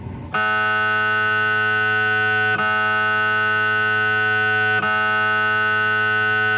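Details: Adult patient during a scan: a loud, steady buzzing drone with brief dips about every two seconds. Typical loud MRI scanner noise.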